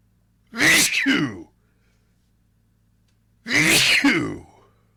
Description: A longer sneezing fit I was able to record, thanks to my allergies.